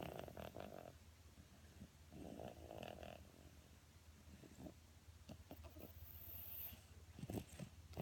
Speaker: He's snoring.